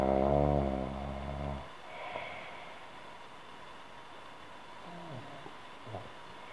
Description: Звук храпа человека (женский), без видео